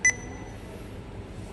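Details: One short, clear electronic beep from a keypad press on a PCA/PCEA infusion pump being programmed, over quiet room noise.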